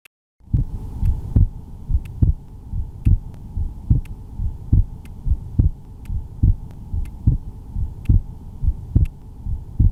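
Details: Cardiovascular auscultation for clinical skills: regular heartbeat, about 70 a minute, with clear thumping heart sounds over a steady low hum.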